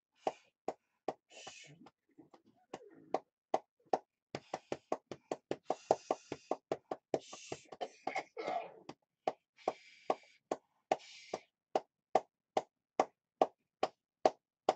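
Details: Cystic fibrosis patient's lower lobe chest therapy, with blood coughed from the lungs over the last two to three days: steady hollow thumping, about 140 a minute, over the chest with breathing in between, from percussion for airway clearance.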